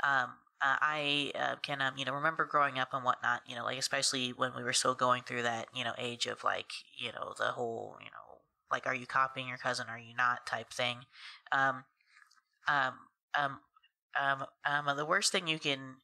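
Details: Adult woman who has stuttered since about age three, whose older cousin also stutters; family initially thought she was copying him; stuttering.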